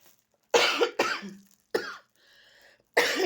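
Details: Three quick harsh dry-sounding coughs, a brief pause, then another cough, from a woman with a persistent cough that has not cleared despite treatment including IV drips.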